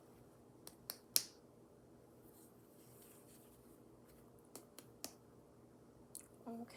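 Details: Percussion over the abdomen of a female patient during a head-to-toe nursing assessment, after abdominal inspection; tympanic abdominal percussion note.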